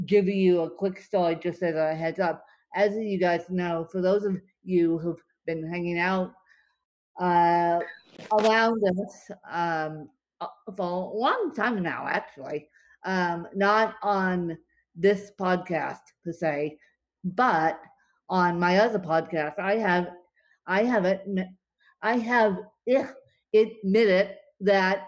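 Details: Dysarthria in an adult woman with cerebral palsy affecting her limbs and brain; she describes speech as tongue-tied following a bad spasm day.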